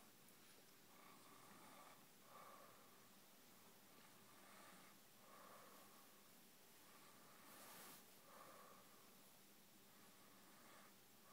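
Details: Passed out asleep in an awkward position: quiet, rough snoring sounds repeating about 20 times a minute over steady room noise; snoring.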